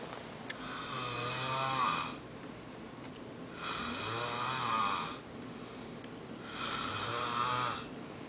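Three rhythmic rattling snores on the in-breath, about 21 a minute, with quiet out-breaths between; ordinary snoring.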